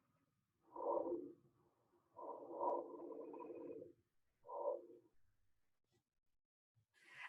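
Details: Teaching recording of three soft, low-to-medium pitched breath sounds through a stethoscope, followed by a brief click; normal lung sounds.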